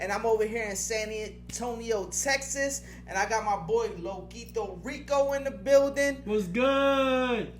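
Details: Adult male podcast host; ordinary speech.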